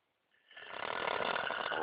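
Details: Man snoring while asleep, described as drunk snoring, on a canoe trip: one rising, rough, fluttering snore on a breath in, building to a loud rattle.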